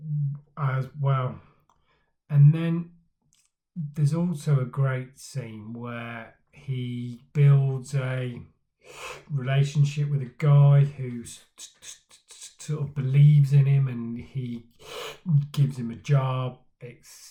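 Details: Adult man who stammers, speaking in his own stammering vlog; stuttering.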